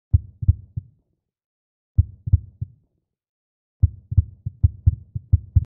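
Deep, muffled thumps come in quick runs separated by silent pauses, like a heartbeat.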